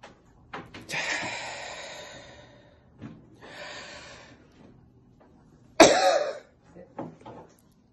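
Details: Demonstration of a breathing exercise for active Covid-19 infection: slow, deep audible breaths with five-second holds and pauses, then one forceful voluntary cough on the sixth breath to open the lower airways. The demonstrator felt dizzy afterwards.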